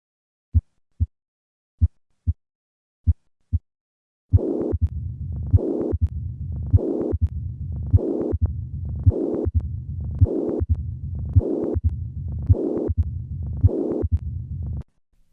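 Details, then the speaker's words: Patient with combined mitral stenosis and mitral regurgitation: slow heart sounds, then a near-continuous low rumbling and blowing murmur. "listen once again to a patient with combined mitral stenosis and regurgitation"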